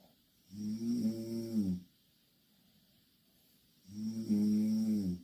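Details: Two Korean girls sleeping in the same bed, snoring loudly: two long, loud, droning snores on breathing in, separated by a quiet pause; ordinary snoring.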